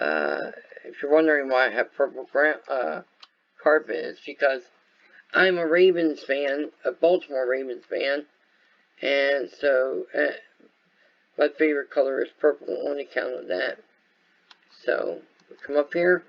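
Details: Adult male whose viral meningitis with very high fever at about six weeks old affected walking, talking, eyesight and hearing; lifelong speech impairment (dysarthria-like) after infant meningitis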